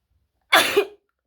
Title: Wide Nose Sneezes Africa.